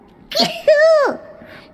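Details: A single sneeze from a compilation of streamer sneezes: a quick breathy intake, then a loud voiced 'choo' burst that trails off.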